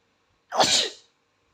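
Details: Single explosive sneeze with sharp onset and hissing tail in a quiet room; owner suspects the boy is allergic to flowers, sneezing when near a flower.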